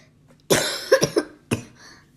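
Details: A person with a hoarse voice gives a short run of about four harsh coughs in quick succession in a quiet room, with brief pauses between them.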